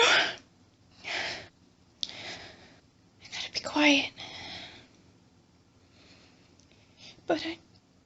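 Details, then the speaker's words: Acted hiding scenario with whispered talking: several short, hissing, stifled sneezes with a sharp catch of breath in a quiet setting while trying not to sneeze from a tickle; sneeze. "Can't stop. Need to stop sneezing. Oh God, it tickles. It's so hard. Not to sneeze."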